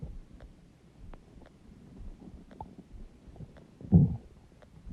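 Soft gurgles and rumbles with one louder low growl near the end; ordinary stomach growling from gas and fluid moving through the gut.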